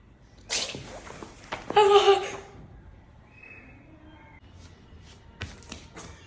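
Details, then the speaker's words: Demonstration of how to sneeze properly, covering with the hand: a breathy build-up, then one loud explosive sneeze, followed by quiet room noise. "प्यारी बहन, don't sneeze on someone else's face. प्यारे दोस्तों, winter आने वाली है तो sneezing तो बहुत ज़्यादा हो जाएगी।"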